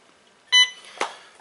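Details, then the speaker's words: Hospira Alaris infusion pump module connected to the opposite side of the PC unit during visual inspection: brief high electronic beep then soft click as it powers up, a normal start-up tone. "Making sure that you have no buildup on your pins, and you can even test these modules by connecting them to the opposite side and making sure that they power up."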